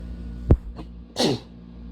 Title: Air freshener makes me sneeze…